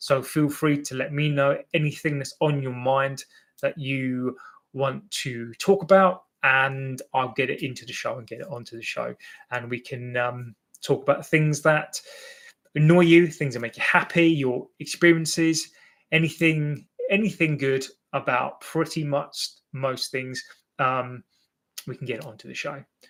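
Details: Adult male with an accepted stammer, less fluent when nervous or before an audience; real stammering (stuttering).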